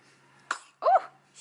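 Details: Newborn baby boy only a few days old, weighing about 6 pounds: two brief explosive bursts, a short cough then a louder voiced cough or throat-clearing, in a quiet room; cough.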